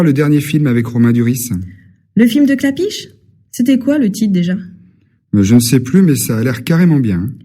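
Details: Adult speaker, acted language-lesson dialogue; normal voice.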